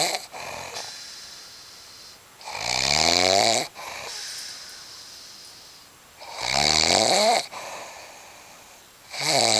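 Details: Loud rattling snores on each in-breath with hissy out-breaths between, about 17 breaths a minute; snoring.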